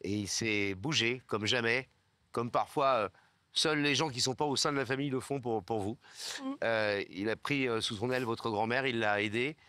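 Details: Adult male speaker; typical speech.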